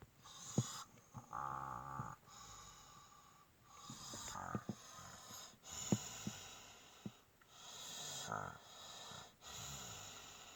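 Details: Person snoring: repeated rattling, whistling sleep breaths with soft snorts and occasional clicks in a quiet room.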